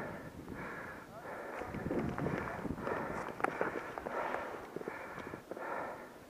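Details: Loud, effortful breaths in repeated cycles with outdoor noise from a tired person after a hard run down a slope; heavy breathing after exertion.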